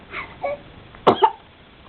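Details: An infant who is hiccuping and cooing: a soft baby vocal sound, then a single sharp sneeze burst.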